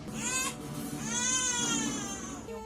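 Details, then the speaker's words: Two-month-old baby, recently immunized and feverish, weighing 3.7 kg: two high-pitched, clear wailing cries during powdering of the armpits; an ordinary infant cry. "Umiiyak siya kasi ayaw niyang mabasa yung kili-kili"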